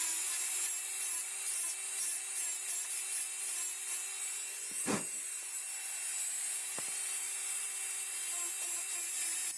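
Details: Simulated preparation of mandibular first molar (FDI #36) on a typodont for full veneer crown: steady high-speed handpiece whine with gritty cutting rasp, reducing occlusal half of buccal surface with slight lingual tilt.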